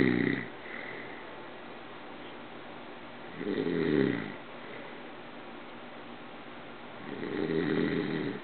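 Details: Dad snoring while asleep on the couch: loud, rough snores about every 3.5 seconds (roughly 17 a minute) with quiet gaps between.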